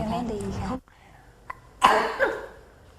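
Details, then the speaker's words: A child's sharp cough with a quick second burst after a brief spoken fragment, in a lesson on assessing cough or difficult breathing in children. "penting untuk mengetahui Berapa lama anak menderita batuk karena batuk kronis yang berlangsung lebih dari tiga minggu mungkin tanda dari tuberkolusis asma atau batuk rejan"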